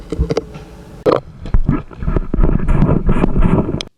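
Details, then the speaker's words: Stethoscope friction noise: a doctor deliberately rubs the stethoscope (MD One vs Littmann Classic III comparison) while listening to her own heart sounds; the rubbing interference is amplified in both. "I think for that test, they both have interference. There's not really much difference between it. Obviously, when you are rubbing your stethoscope, which you're not naturally going to do that, but when you rub your stethoscope, that sound is just amplified into your ears."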